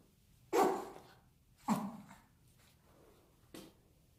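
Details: A dog sneezing: three short, sharp explosive bursts of air, the last one softer.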